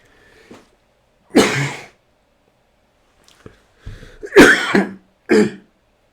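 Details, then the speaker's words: Three harsh, loud cough bursts in a brief fit from an adult lecturer whose voice is already going, with softer throat sounds between them in a quiet room; cough. "over I'm sorry I got called and as you can hear my voice is already be gone uh I'm sorry about that"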